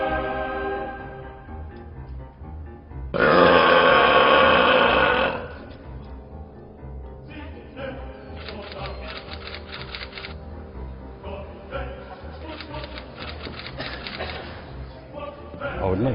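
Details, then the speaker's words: World burping champion (record 118 decibels): a deliberate belch after no breakfast, leaning forward, breathing in air and taking a fizzy drink. One long, loud, sustained belch of about two seconds, with background music. Burping. "I didn't eat on the day so I've had no breakfast um what I'll do just before I'm about to bur I'll go through a little routine where I lean forward bre in some air uh take a fizzy drink and then as I feel the air Rising just open me throat and let it raw"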